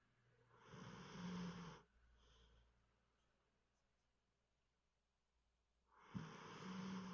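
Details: A sleeping Drever dog gives two long, low, rumbling inhaled snores several seconds apart, with quiet breathing between: snoring.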